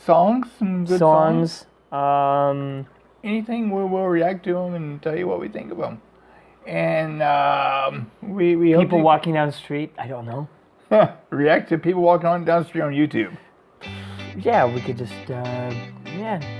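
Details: Adults in conversation, likely two speakers; normal speech.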